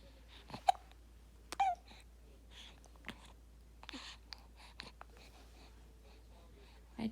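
Quiet room with a few small, abrupt squeaky catches and soft baby sounds: infant hiccups, common and harmless in babies.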